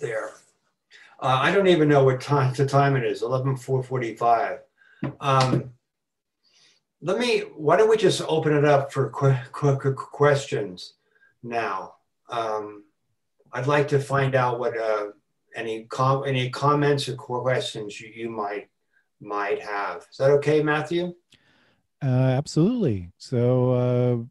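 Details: Adult man who has stuttered since about age four; stuttering with repetitions, fillers and blocks throughout his speech.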